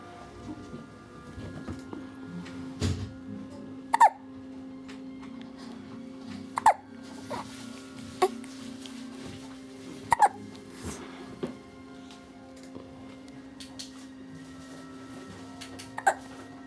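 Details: Hiccups in a 40-day-old infant: about six short, sharp hiccups every two to four seconds over low background music and room noise.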